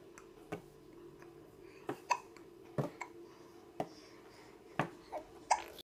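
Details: Hiccups in twins: repeated short sharp catches, about eight in six seconds at uneven intervals, with a low steady hum behind.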